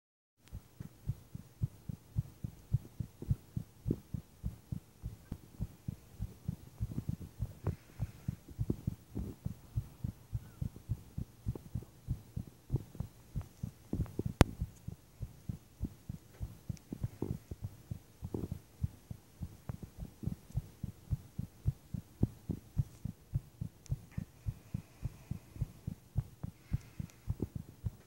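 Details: Person's heart pounding while lying in bed at night for unknown reason, with visible heartbeat: strong, rapid low thumps, roughly 100–110 beats a minute, faint room hum.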